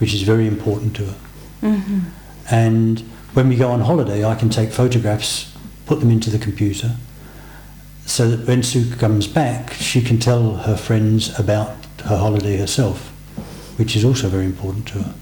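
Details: Adult man; Normal speech.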